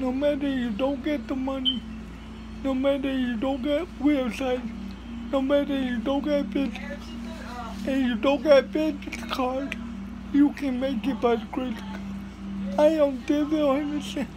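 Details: Adult speaker with cerebral palsy; dysarthria (cerebral palsy).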